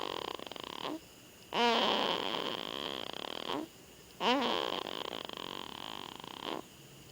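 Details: Loud, rattling snores on the in-breath, each followed by a quieter breath out, repeating about every three seconds; a female snoring.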